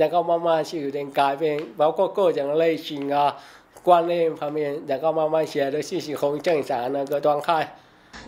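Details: Speech of a man with hearing loss since childhood, caused by a childhood accident; he relies on text to get spoken information.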